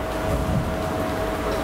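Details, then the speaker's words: Tuning fork hearing test at an ENT exam after the outer ear is checked normal, testing air or bone conduction by touch or at a distance: a steady, pure, mid-pitched hum over low room rumble. "приступают к тесту с помощью камертона при вибрации он получает звук низких тонов его и улавливает пациент при касании или на расстоянии так проверяется слуховая или костная проводимость"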